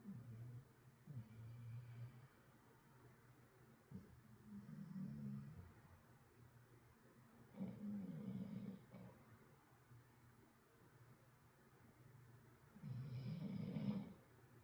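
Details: Sleeping dog snoring very loudly: low, rumbling snores in irregular bursts a few seconds apart, with quiet breathing between; ordinary snoring during sleep.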